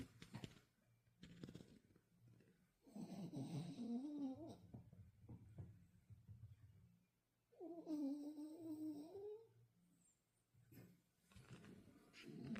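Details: Sleeping cat, apparently knocked out, with slow, soft rattling breaths and a fluttering buzz on two breaths in a quiet room; ordinary snoring.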